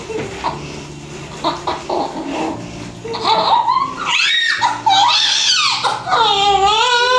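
Room noise, then loud high-pitched wavering cries from a baby just after a normal vaginal birth, a healthy first cry.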